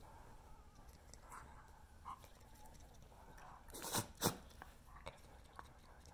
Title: Welsh Terrier morning sneezes